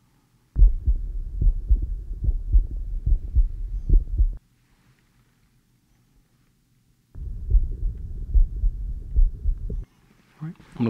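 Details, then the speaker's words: Regular low heart thumps at about 72 a minute, heard at two listening spots with an Eko electronic stethoscope while the patient breathes normally, during a physical exam for GI complaints; normal heart sounds. "all right I'm going to listen to your heart so just breathe normally"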